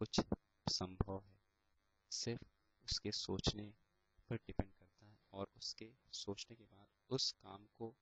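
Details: Stuttering (stammering) in a male final-year B.Tech computer science student who attends speech therapy sessions.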